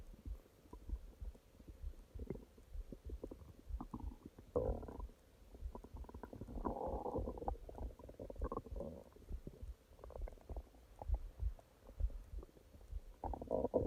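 Low gurgling and rumbling swells come and go over a quiet background: ordinary stomach growling, normal bowel sounds.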